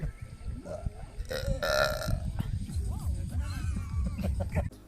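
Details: Long, loud, rumbling deliberate belch lasting several seconds, with voiced sound and faint music behind; burping.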